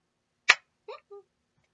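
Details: A sudden loud, forceful vocal burst, then two short voiced sounds: abrupt vocal tics of Tourette syndrome.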